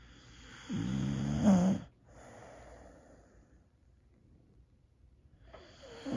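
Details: Old female Boxer dog, feeling a little down, snoring while asleep: one rough, rattling snore ending in a snort, then quiet breathing and the start of another snore.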